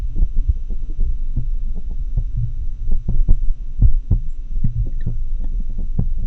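Rapid heart sounds at irregular intervals, fitting atrial fibrillation, an irregularly irregular rhythm.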